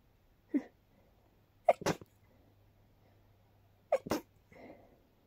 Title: Short, dusty sneezing fit 🤧